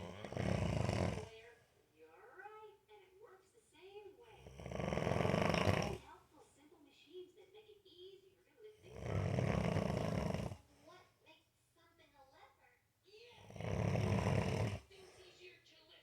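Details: 28-year-old man snoring, unaware that he snores; four loud, rasping snores about 4 seconds apart, roughly 15 breaths per minute, with quiet talk and laughter between.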